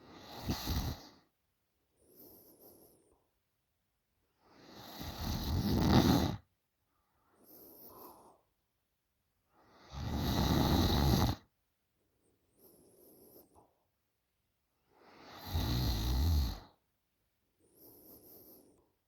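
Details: 20-year-old girl snoring loudly in sleep: loud, rough snores on each in-breath with quieter out-breaths, about 12 breaths a minute, steady rhythm; heavy snoring.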